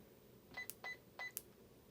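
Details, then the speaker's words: Three short electronic beeps as the 3 key is pressed three times to type a fluid name on a Baxter Spectrum IQ smart IV pump keypad; normal infusion pump keypad beeps. "for example in order to get the eye i'm going to have to push the three button three times"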